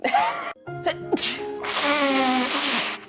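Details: Allergy sneezes: a sharp intake of breath and a forceful sneeze, then a voiced trailing sound; sneezing.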